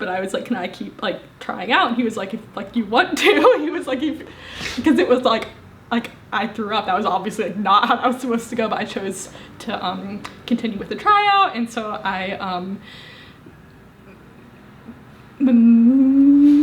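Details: Woman, 25, with a severe stutter, first recorded at 18; stuttering.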